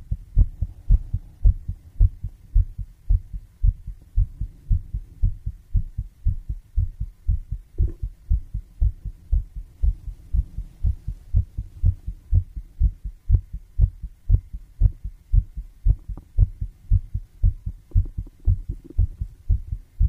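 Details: Heartbeat: steady, regular low thumping at a brisk pace, with a faint hum underneath.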